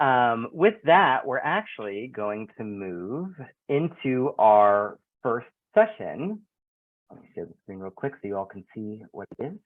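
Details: Adult male speaker; Normal speech.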